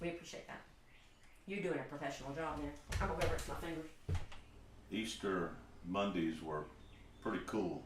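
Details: Adult man speaking; ordinary speech.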